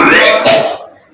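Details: Participant during a mesmerism therapy session reacting with cough and nausea, after which the session stopped: two loud, harsh coughs in quick succession, trailing off into a quieter breath.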